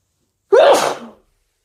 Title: stifles nose blows and strong wet sneezes